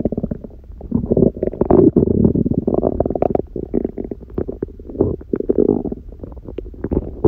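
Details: Hunger stomach growling in an adult lying down, second such recording, on a raw-food diet with one meal a day and only a smoothie in the morning: long gurgling, rumbling noises with bubbly pops; normal bowel sounds.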